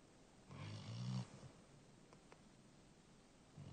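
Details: 1-year-old black Labrador asleep: one loud, low, rattling snore on a breath, then quiet breathing; snoring.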